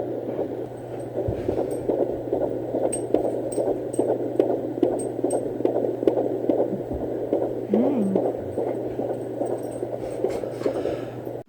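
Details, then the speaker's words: Fetal heartbeat on a home Doppler, checked almost daily after previous pregnancy losses: fast, soft whooshing pulse with static, roughly 130 to 170 beats a minute. "i've got a lot of videos of us listening to his little heartbeat"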